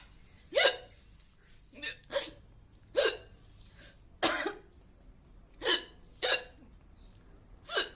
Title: women hiccups